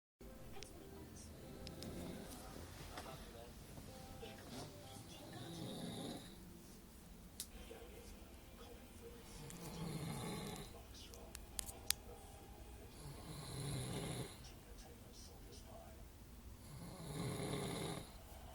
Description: Drunken grown man snoring!